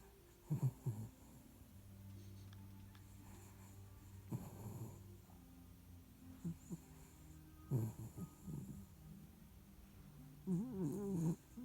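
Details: Sleeping poodle: deep, rumbling snores with snorting breaths every few seconds; ordinary snoring.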